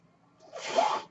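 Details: Real recording of a podcast host's own mechanical ventilator: a faint low hum, then a brief rising hiss of rushing air lasting about half a second and fading out as a breath is delivered. Mechanical ventilator breath sound.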